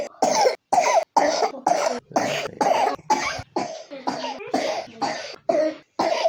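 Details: A 3-year-old child with pneumonia coughs in a rapid run of about a dozen short, harsh bursts with almost no pause between them: pneumonia cough.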